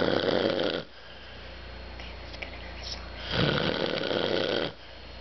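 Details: Elderly man (grandfather) snoring loudly during sleep at 1:30 am, one eye reportedly open: loud, rough snores on the in-breath with quieter pauses, about 12 breaths a minute.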